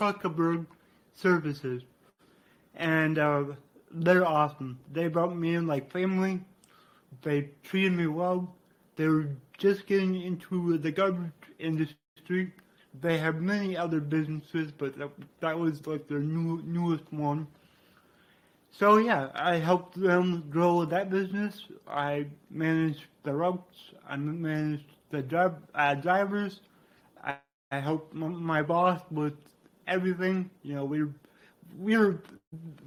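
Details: Adult man with cerebral palsy from brain damage after being born without heartbeat or breathing and revived, who reports a resulting speech impediment; dysarthria (cerebral palsy).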